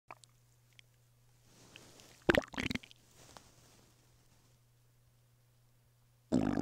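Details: Male lying flat on his bed, stomach rumbling with hunger: brief gurgling bubbly rumbles in a quiet room with a steady low hum; borborygmi.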